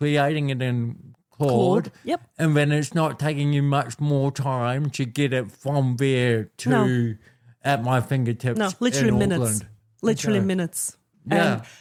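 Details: Adult man born with cerebral palsy, a congenital physical disability affecting how messages travel around his body, with walking and talking named as his biggest challenges; dysarthria (cerebral palsy).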